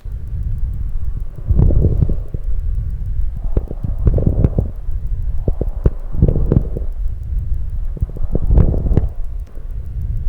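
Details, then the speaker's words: Auscultation teaching example of coarse crackles (estertores grossos): low, bubbling pops and clicks recurring with each breath over a rumbling chest sound; coarse crackles. "mas os estores grossos eles desaparecem com a tosse Exatamente isso ele vai aparecer em casos de bronquite crônica uma bronquiectasia e também até em casos de edema pulmonar podem acontecer"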